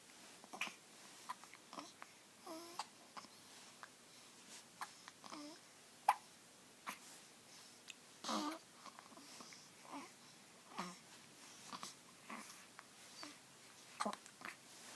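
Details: A baby babbling in a quiet room with repeated brief, abrupt catches, consistent with hiccups.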